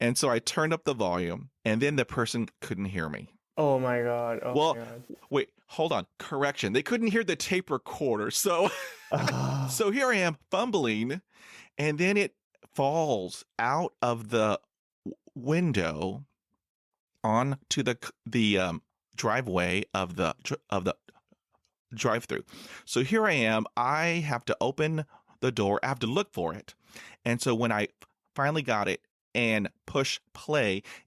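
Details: Stuttering with blocks in an adult man who has stuttered since about age 3 to 3.5.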